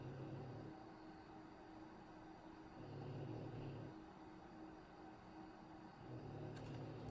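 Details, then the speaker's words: A female pet dog sleeping just below the speaker snores softly, with low rumbling snores about every three seconds over a faint room hum. "And I am not sure if you could hear it, but my dog is right below me and she's snoring. So just in case you can hear it."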